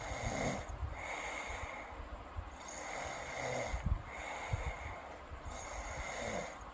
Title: snoring girl asmr8